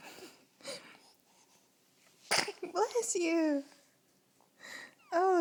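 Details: A baby who also has hiccups gives a single sharp sneeze, followed by squeaky fussing sounds and soft, breathy noises.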